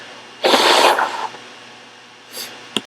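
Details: Sick adult with a nose tickling all day: one forceful, wet sneeze, then a soft sniff in a quiet room, with a washing machine in the background.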